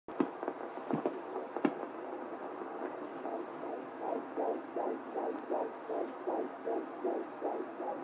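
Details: Fetal heartbeats of twins at 14 weeks 6 days of pregnancy on Doppler: rapid whooshing pulses over hissing background, two overlapping heartbeats picked up together (possibly all three, per the mother).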